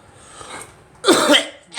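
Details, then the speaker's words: Person coughing, trying to bring up phlegm: single loud, harsh cough after quiet breathing. "come up try coughing another once come up Sunday yeah the phlegm was home a bit caught off"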